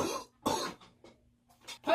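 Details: Person who says he is still a little sick coughs after speaking.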